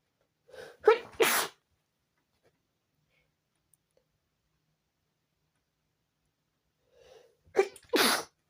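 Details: Sneezing fit at 4 a.m. preventing sleep: two sneezes, each with a short in-breath and sharp burst, several seconds apart in a quiet room.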